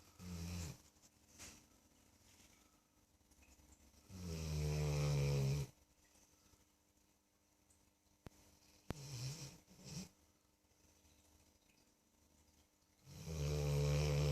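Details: Sleeping dog snoring extremely loudly: loud, low rumbling snores recurring every few seconds with quiet breathing between them; snoring.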